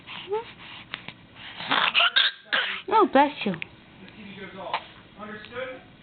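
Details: A 9-week-old infant gives a quick, sharp sneeze amid soft voices, a normal infant sneeze.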